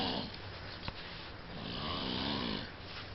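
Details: A sleeping adult man snores with a steady, rough, rattling breath sound in a small room, jokingly described as extremely loud; snoring.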